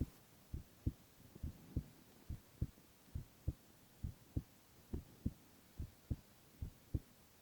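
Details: Silent ASMR recording of a young man's heart sounds only: steady paired lub-dub heartbeats at about 67 a minute over a soft background hum; heartbeat.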